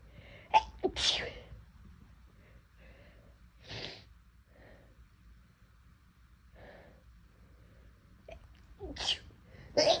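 Sharp explosive sneezes with a short inhaled build-up, then quiet breathing and a final pair of sneezes; induced sneezing.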